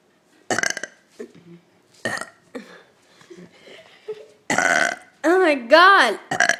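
A run of loud voiced burps, some long and drawn out, with short gaps and quieter vocal sounds between them.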